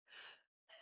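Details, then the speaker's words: Single brief, hissing sneeze from an adult speaker during a podcast conversation, followed by a short pause; he had just said he needed to sneeze. Finding: sneeze. "Like I I woke up this morning and I was like, "All right, we're we're jamming here. I got to sneeze.""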